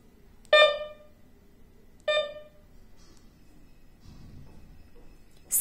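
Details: MedRena UniFusion SP50 Pro syringe pump: two loud, clear electronic tones about a second and a half apart, alert sound played while setting sound volume level.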